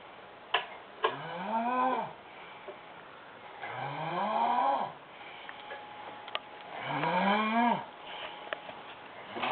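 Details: Woman passed out asleep on a futon: loud, rising-and-falling snores with a rattling tone on each breath in, about one every three seconds, in a quiet room; snoring.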